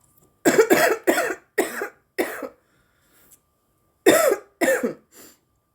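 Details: Adult woman coughing while smoking a marijuana joint; two bouts of harsh, rough coughing, about seven coughs in all, from inhaled smoke.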